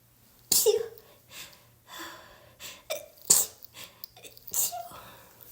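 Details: Person with a cold, sneezing every couple of minutes; three sharp sneezes within a few seconds with sniffs and breaths between; repeated sneezing.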